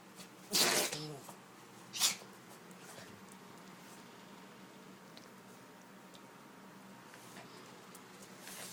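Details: Two sharp, sudden sneezes close together from a Maltese dog with incessant sneezing, then quiet room noise; owner wonders if she is allergic to something.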